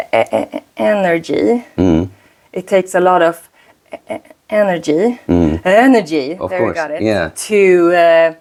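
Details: Woman, 36, who stutters; she says her stutter shows more under stress and she uses a speaking technique; repetitions audible; stuttering.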